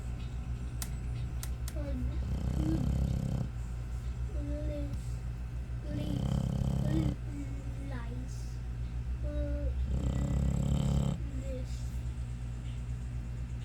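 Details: American Bully dog, possibly pocket or micro size: low rumbling snores about every four seconds, roughly 15 a minute, with faint whining tones between, against steady room hum; snoring.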